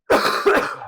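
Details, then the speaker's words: Single harsh adult cough in two quick bursts, recorded indoors on a podcast microphone; speaker jokes about hacking up a lung; cough. "try not to cough so damn much in here man I'm curious how this audio is gonna sound when we're done just like hacking up a lung and [ __ ]"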